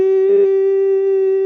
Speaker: y luego le dices a alguien, oye, ¿tú escuchaste eso? No, estoy loco. No, no estás loco, se llaman acúfenos.